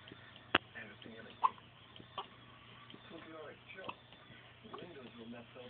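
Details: Baby girl appearing scared of her own hiccups: a few brief, sharp hiccups at irregular intervals in a quiet room, with faint soft vocal sounds.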